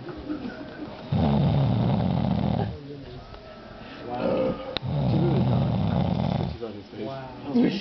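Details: Adult man passed out drunk, snoring amid Rock Band play and talk: two long, loud, rattling snores separated by quieter breathing; snoring.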